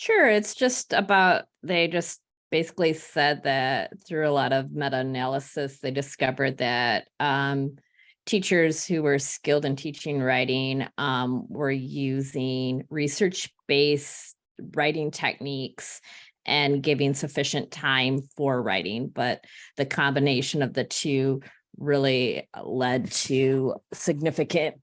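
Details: Adult woman speaking; normal voice.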